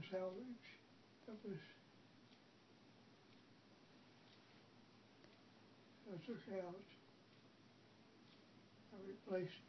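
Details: Adult man talking in his sleep; sleep talking (somniloquy).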